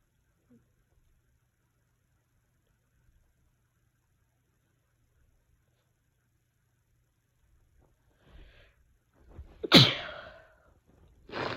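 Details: After a quiet stretch, a short intake of breath followed by one sharp, explosive sneeze and a brief trailing burst.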